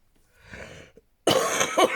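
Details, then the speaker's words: Adult who is still coughing while doing hand stitching: a soft throat-clear followed by a single harsh cough burst. "So you can probably hear how still coughing as well. It's ridiculous."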